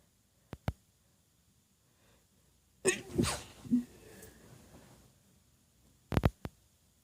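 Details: Several quiet, stifled sneezes from a female, held back because others are asleep: short puffs, a longer muffled burst, then a quick cluster.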